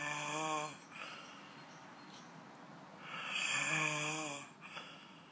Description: Weird snoring in bratislava